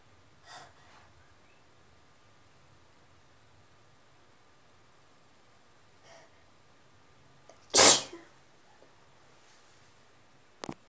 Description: This is my first recorded sneeze. I was inducing with a tissue.